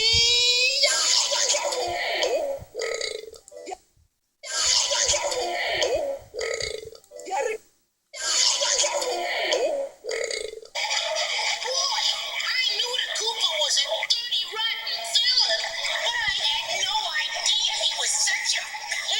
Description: Extraordinary big burps